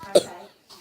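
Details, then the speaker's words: Child coughing a lot while still sick, worse at night and unable to sleep; a single short, sharp cough. "Until L until that I'm coughing a lot as I'm you still sick. I mean, cough at night."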